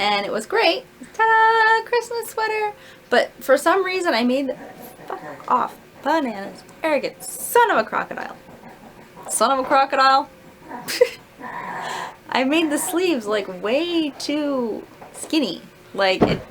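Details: Adult woman with self-described Tourette's-like tics, undiagnosed, who can usually suppress them; involuntary vocal tics, including swearing and words, interjected during a story; vocal tics.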